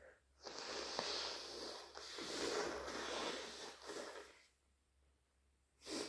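Long, wet, noisy sneezing and nose-blowing with a loud hissing airflow, fitting allergy sneezes.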